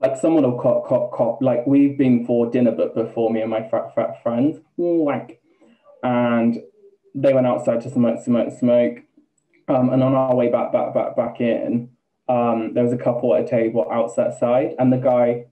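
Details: Man, 28, with Tourette syndrome beginning about two years ago, with involuntary swearing, word repetition and head-throwing tics: Tourette syndrome with vocal tics (word and syllable repetition).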